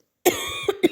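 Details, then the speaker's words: Woman with COVID-19 and about 40° fever coughs while talking, remarking it sounds deliberate; cough. "Mais voilà, on dirait que je fais trop exprès de tousser."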